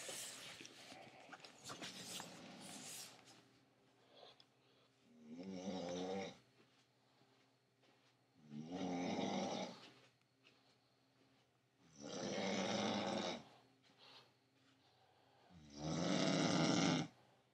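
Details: Wife who claims she doesn't snore, snoring loudly at night: rattling snores on each in-breath about every four seconds, quiet gaps between, some room noise at start.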